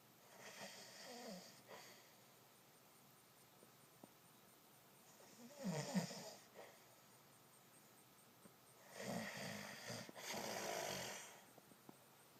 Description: Somebody insisted that all the voice memos I recorded of him snoring were not him... Can't deny this VIDEO!! =)